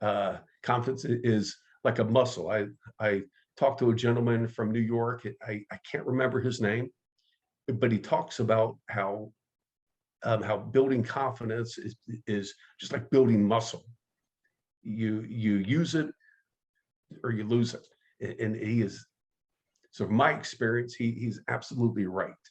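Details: Stuttering with word and part-word repetitions in an adult man who identifies as a person who stutters and has been active in the stuttering support community for over 25 years.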